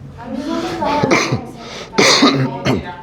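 A few short, harsh cough bursts from an adult, mixed with voiced throat sounds in a small room; an ordinary incidental cough.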